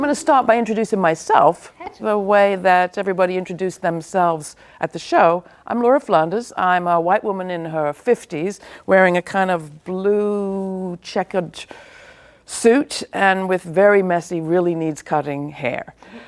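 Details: Adult woman speaking; normal speech.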